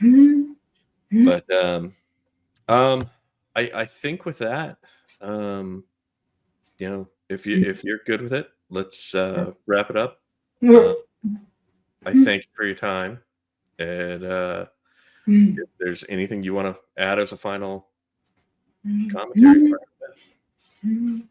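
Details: Adult man speaking; ordinary speech.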